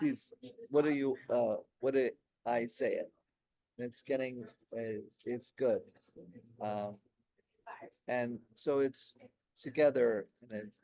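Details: Aphasia in an adult man, 16 years after a stroke during heart valve surgery; at first he could say only one word for about a year, and word-finding difficulty persists.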